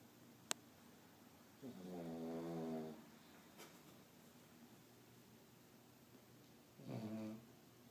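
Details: Sleeper snoring: two slow, buzzing snores, each about a second long, with a long pause between them in a quiet room; snoring.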